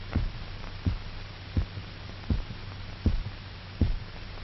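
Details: Dog in a 1930s heart-lung machine revival experiment, as all its blood is drained via the carotid artery: regular low thumping heartbeat at about 80 a minute over a steady hum.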